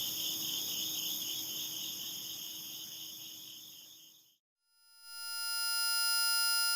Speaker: Now I will play a series of sounds that represent the typical types of tinnitus percepts people report hearing. Ringing. Teapot whistle. Crickets.